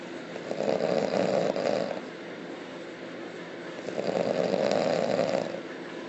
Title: Hardcore loud snoring